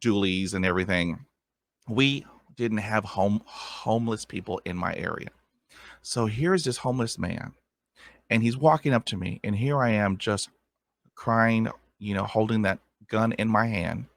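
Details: Adult with lifelong stuttering who attended a speech therapy program at about age five and uses background techniques to manage blocks; stuttering.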